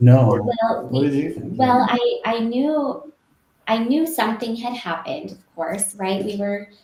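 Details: Woman with global aphasia affecting expressive speech after a severe stroke in 2020, still having word-finding difficulty; post-stroke aphasia.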